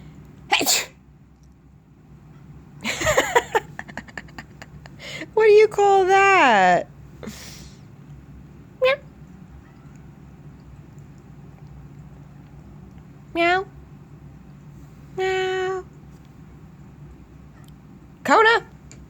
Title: Cats should always say bless you after a sneeze